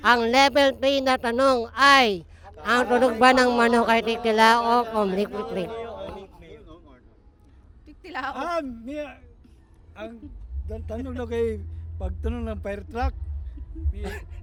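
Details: Filipino show host described as "ngongo" (nasal speech), asking a quiz question in Tagalog during an outdoor interview game; hypernasal speech.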